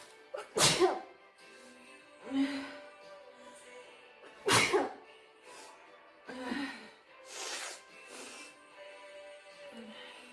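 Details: Blonde girl giving two sharp, explosive sneezes with quieter breathy sounds between them and faint background music; ordinary sneezing.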